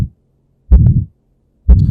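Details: Heart murmur heard by stethoscope auscultation in a cardiovascular physical examination teaching demonstration, contrasted with normal heart sounds: low heartbeats at about 63 a minute, each with a prolonged whooshing sound.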